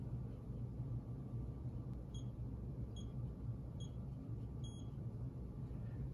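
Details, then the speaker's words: iCare rebound tonometer (ic100/ic200) measuring eye pressure: four short high beeps; green circle means reliable, yellow borderline; over low room rumble. "and you'll get a long beat and a pressure reading if the circle lines around there are green that's a highly reliable reading"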